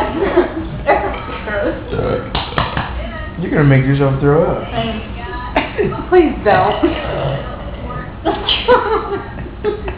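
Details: Two adults competing at deliberate "trucker burps" after a night out: loud, long voluntary belches in succession, with talking and laughing between; some admitted fake; burping.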